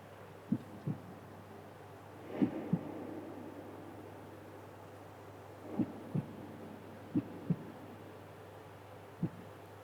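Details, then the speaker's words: Teaching demonstration of normal heart sounds: paired low thumps, lub then dub, repeating with pauses. S1 is from AV valve closure, lower-pitched and longer; S2 is from semilunar valve closure, louder, higher-pitched and shorter. "Right, this is our heart sounds. Lub dub, lub dub, right? In a single cardiac cycle heart produces two different sounds. Like S1 sound, S2 sounds, right?"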